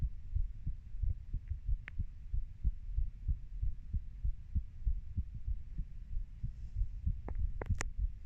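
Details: Normal heart sounds of a 30-year-old, recorded by the person themself: steady low thumping heartbeat, about 95 beats a minute, with a few clicks near the end.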